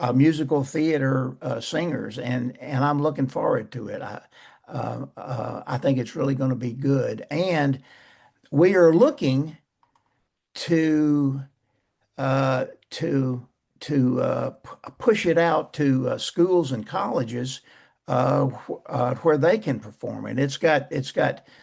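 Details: Man close to 80 who still stutters, describing mainly blocks and poor airflow with some repetitions; stuttering.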